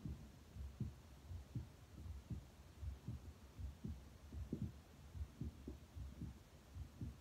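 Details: Regular low thumping heartbeats at about 78 a minute heard through a Littmann Cardiology stethoscope; normal heart sounds.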